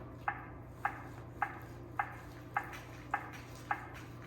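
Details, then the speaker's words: Automated external defibrillator's evenly spaced CPR metronome beeps, about 105 per minute over a low room hum, in a training demo on a manikin. After a shock is delivered, the device prompts to push to match the tone, pacing compressions at 100–120 per minute. "That's pretty cool. So our pace is 100 to 120 beats per minute, and this is going to help keep pace for us."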